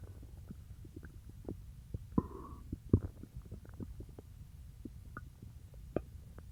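Quiet, irregular gurgles and a brief squeaky rumble from the belly; ordinary stomach growling after eating.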